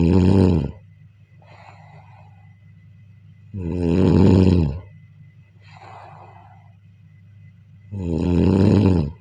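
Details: Snoring during sleep: loud, low, vibrating snores about 15 a minute alternating with soft breathy exhales over a steady background hum.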